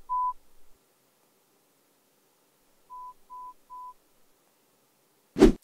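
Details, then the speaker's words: Pure-tone hearing test example tones from AirPods Pro 2 hearing test, played at different volumes and frequencies; listener taps screen on hearing three tones: a single tone, then three softer tones, then a tap. "so this test is going to play these tones that are at different volume levels and frequencies I'm going to actually play to you what you'll hear"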